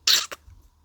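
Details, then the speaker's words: Adult woman sick with the flu and a hoarse voice, still coughing a lot: a single harsh cough burst with a brief second expulsion. "Donc oui, il va y avoir beaucoup de coupures parce que je tousse encore pas mal et vous entendez à ma voix que c'est pas terrible encore."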